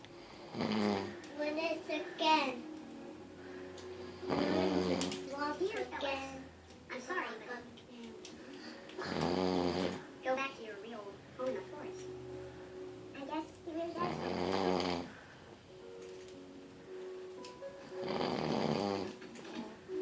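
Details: Person snoring (recorded 2013-01-01): loud rattling snores recurring about every five seconds, roughly 12 a minute, with quieter breathing between and faint background sound.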